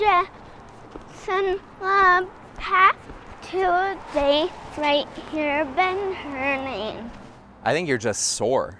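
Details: Ataxic dysarthria in a young girl with Friedreich's ataxia, a degenerative autosomal-recessive genetic disease. Speech differences have been present since early childhood, with most consonants produced like "h" at age 3–4. Speech has improved with speech therapy.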